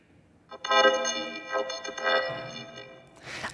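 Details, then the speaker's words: Simulation of the sentence "A pot of tea helps to pass the evening" as heard through a cochlear implant: buzzy, organ-like tones lacking highs and lows, with almost no intelligible words. "absolutely understand if you think that hearing with a cochlear implant sounds terrible. There are no highs or lows, and the overall hearing quality is horrible compared to normal hearing."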